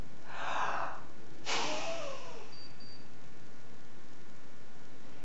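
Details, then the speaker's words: Peak flow meter demonstration measuring peak flow and FEV1: a deep breath in, then one sharp, forceful blast of air out through the mouthpiece lasting about a second, a valid effort. "so I'm going to be taking a big breath in and blowing it out through this machine"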